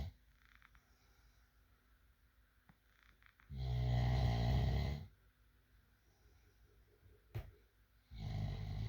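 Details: Loud snoring in a sleeping person: a deep, rough, rumbling snore on inhalation, then a quiet pause before the next snore begins, in a quiet room.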